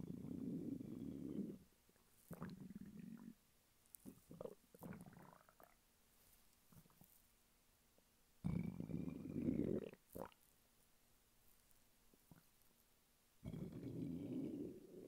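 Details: Stomach rumbling from hunger in a male lying flat on his bed: loud low gurgling rumbles in bursts with quiet gaps, ordinary borborygmi.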